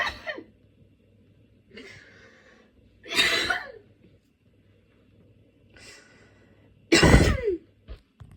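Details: About five harsh, separate coughs with short gasps between them in a quiet room: a coughing fit during aroma/incense inhalation, from a common cold with runny and blocked nose and painful lungs.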